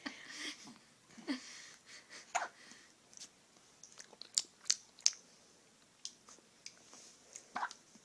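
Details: One-week-old newborn with a run of hiccups: soft, sharp little clicks and gulps recur about every second or two in a quiet room, with faint breathing.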